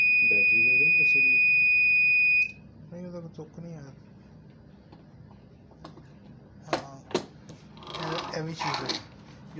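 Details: Infusion pump being repaired after a burst capacitor and burnt circuit traces, powered on showing "Error 8 hardware": steady high electronic beep of about two seconds, then quiet room noise and background talk; hardware error alarm.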